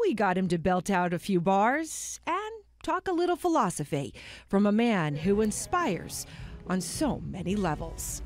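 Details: Adult woman narrator; Fluent speech.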